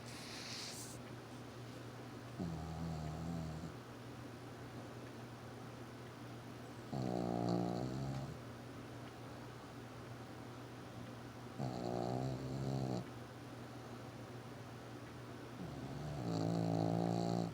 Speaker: Wallace. Wallace. Why are you snoring?